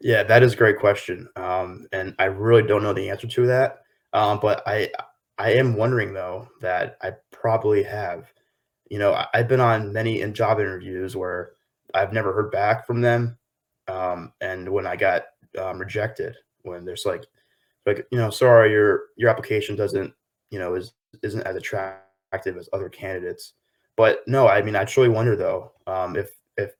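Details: 23-year-old man with lifelong stuttering since early childhood; his paternal grandfather also stuttered; real, unscripted adult stuttering.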